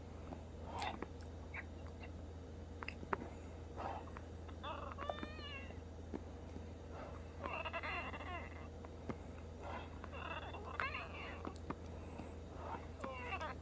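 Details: Woman with Down syndrome wheezing non-stop since her last breathing treatment around 1 AM: high-pitched musical whistling recurring with breathing every few seconds over a steady low room hum.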